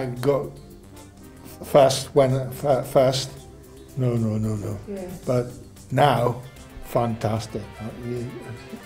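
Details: Aphasia in a man, former teacher and musician, about 12 years after a stroke that initially left him unable to walk or talk; he has word-finding difficulty.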